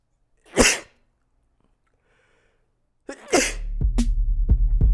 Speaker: ever notice how there's never one sneeze I saw I was like three or four somebody's like bless you bless you bless you